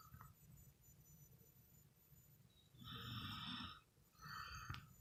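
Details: Baby snoring during sleep: a soft, rattly snore with a faint whistling edge on two breaths over quiet room noise; light infant snoring.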